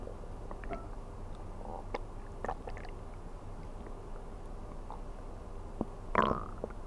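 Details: Stomach growling recorded while sleeping on an empty stomach, from an ASMR recording: faint scattered gurgles and one louder growl near the end, over a steady background hiss.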